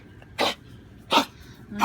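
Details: Dog with heart murmur, hyper just after a bath: two short, harsh, dry hacking coughs, a third beginning; vet believed kennel cough, resolved after strong antibiotics.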